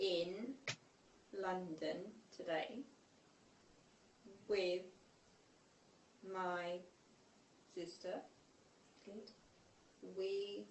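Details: Girl with Broca's (non-fluent) aphasia reading aloud a given passage, needing a sound cue to recall a word; Broca's aphasia (non-fluent aphasia).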